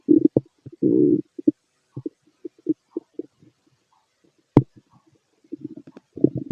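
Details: Fit adult male, belly heard through a stethoscope while digesting pastry, chicken, curry, bread, milk, eggs and pasta: irregular gurgles and bubbling rumbles, some long, some brief; normal bowel sounds.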